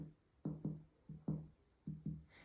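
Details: Percussion note over the liver on the right side along the midclavicular line, during a chiropractic abdominal screening demonstration.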